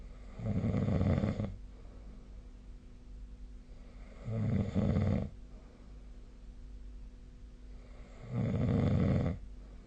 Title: 🐽 本日のイビキ / Snoring Sleep Sound 2025/01/16